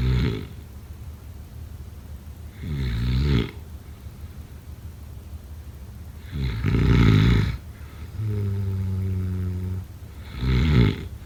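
Deep, rumbling snores with a throaty rattle, about 16 breaths a minute, over steady background hiss; snoring during sleep.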